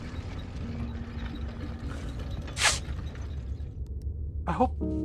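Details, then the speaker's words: Single sharp, noisy burst, likely a cough or sneeze, from a congested adult narrator feeling under the weather, over steady game music and background hum. "I think I'm going to have a coughing, hacking, sneezing a second"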